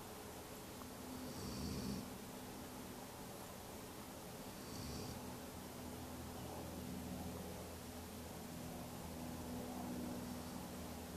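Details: Soft, low rumbling snores from a sleeping Drahthaar (German wirehaired pointer), with a few faint snore bursts over steady room noise.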